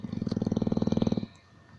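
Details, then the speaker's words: Old English bulldog asleep in his bed, snoring every night for years: one loud, low, rattling snore fading into quiet breathing. "this is all I hear here free every night for years it's just how it is and I think I'm about to go crazy see a psychologist"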